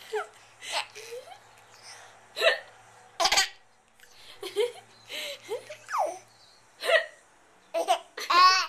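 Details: Hiccups mixed with laughter, recorded on a Flip Video camcorder: short, abrupt voiced gulps, about eight bursts over several seconds.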